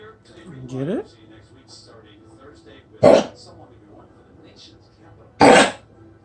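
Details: A pet makes a brief rising vocal sound, then two sharp, harsh explosive coughs about two seconds apart in a quiet room: coughing.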